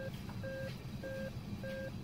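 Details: Repeated steady two-tone beeps, about one every 0.6 seconds, from a Nihon Kohden defibrillator in adult AED mode prompting pad placement on the right upper and left chest; AED prompt beeps in a training demonstration.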